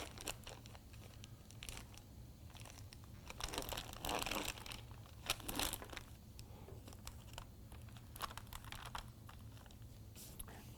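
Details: Soft crinkling and tearing of plastic and paper wrap in a quiet room as a sterile suction catheter package is opened for endotracheal sputum culture in an intensive care patient, a teaching demonstration; sterile package opening.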